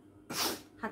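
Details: Deliberate sneeze for a sneezing and cough challenge with a hanky: one sharp, hissing burst of air followed by a short voiced catch.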